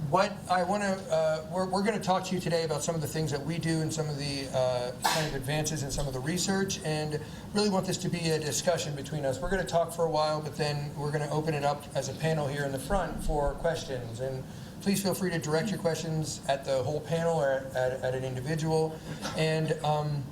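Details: Adult male speaker; normal speech.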